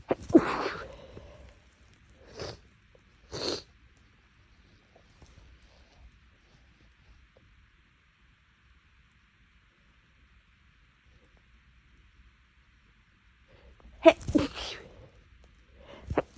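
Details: Sneezing fit after days of nasal irritation and a lingering tickle, possibly from something inhaled while making lunch: a run of sharp sneezes, a long pause, then more sneezes close together.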